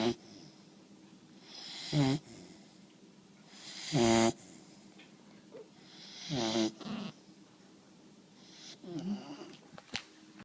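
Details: Boomer snoring: loud rattling snores every couple of seconds, some with a fluttering snort quality, against quiet room noise; ordinary snoring.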